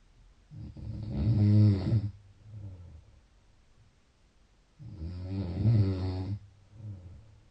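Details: Two long, low, rattling snores about four seconds apart, each followed by a softer breath out; ordinary loud snoring.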